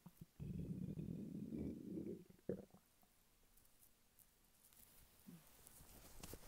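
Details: Male lying flat on his bed while hungry: a soft, low rumbling gurgle lasting about two seconds, then near silence. Ordinary hunger borborygmi.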